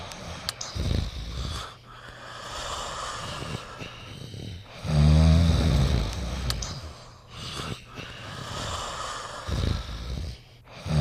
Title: Beethoven and Smally Sleeping and Snoring Together